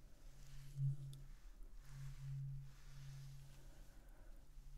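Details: Simulated ASMR ear-exam role-play: a low, steady hum that rings and swells over several seconds, the sustained tone of a struck tuning fork.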